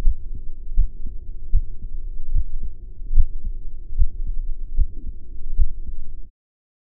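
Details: Normal heart sounds recorded with a TAAL digital stethoscope: regular lub-dub about 75 a minute, crisp first and second sounds, no murmur.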